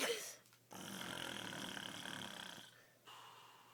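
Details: Dad snoring: a single long, rough, fluttering snore lasting about two seconds, followed by quiet breathing; loud snore.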